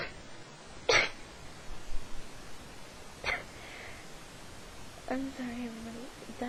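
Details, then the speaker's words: Repeated sneezing fits at about 12:30 at night, coming on randomly and many times in a row; the sneezes are likened to a cat's. "actually how I me okay honestly it seems like a freaking cat as many people would say"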